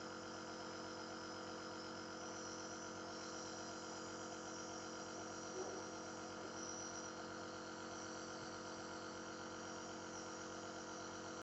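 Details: A child is being nebulized for a productive (phlegmy) cough. A small nebulizer compressor gives a steady mechanical hum without a break.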